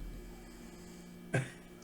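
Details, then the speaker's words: An adult man snoring while asleep in the background of a room: a single short, low rumbling snort rising out of steady room hum. "my boyfriend's snoring in the background hot oh you can hear it wait wait stick around"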